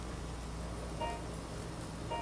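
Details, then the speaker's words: Room noise with short regular beeps from a BodyTite radiofrequency-assisted liposuction machine on a female patient; steadily audible tone means tissue is below cut-off temperature, starting around 26°. "can hear The Body tyght Machine nice audible so you know that you're nowhere near your cut off temperature"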